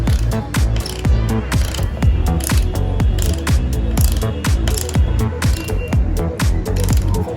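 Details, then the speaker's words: Steady ratcheting clicks, about one a second, as a hand ratchet reverse-torques a dental bone expander, expanding up to 3.5 mm for a 3.5 mm implant, back out of a dummy mandible training model. "And now I am again reverse torquing this out."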